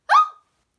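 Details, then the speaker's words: Person with Tourette syndrome, tic triggered by reading it on a list: a single abrupt, loud shouted 'ha' lasting a fraction of a second; a simple vocal tic. "um H that was the next one on my list I read it and then that triggered me having to do it so it's yelling ha"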